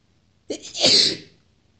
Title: powerful and wet sneezes (f)